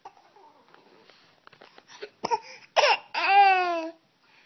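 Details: Young child, after quiet babbling, gives two short forced coughs, faking a cough to draw the mother's attention, then a drawn-out whiny vocal sound.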